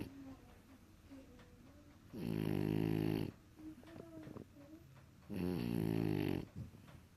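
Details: Sleeping French Bulldog snoring: two loud, rasping snores about three seconds apart, with soft snorts and whistling breaths between them.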